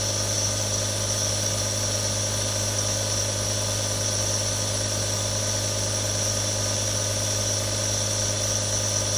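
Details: Steady loud motor hum with constant hiss, no variation, from three real nebulizers in a relaxation recording: nebulizer compressors running continuously.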